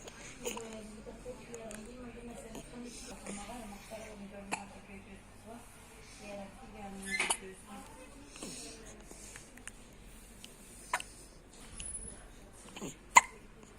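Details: A baby's first hiccups: soft baby vocalizing with a few brief, abrupt catches.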